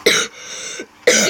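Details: Coughing the speaker apologises for: two harsh, explosive coughs with a short noisy breath between them.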